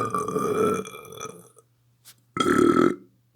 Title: some burps :p